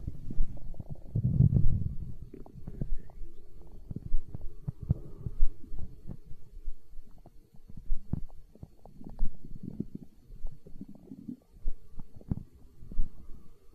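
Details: Stomach growling (borborygmi), hunger sounds from an ASMR recording: low gurgling rumbles and bubbling from the belly, coming and going irregularly.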